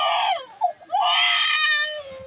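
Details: A baby girl a few months old cries during her first haircut, frightened. High-pitched, tense wailing with a brief catch mid-cry. Ordinary frightened cry. Finding: infant cry.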